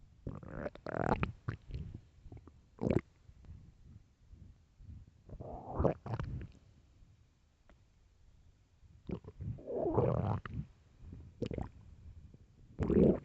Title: famished starving stomach growls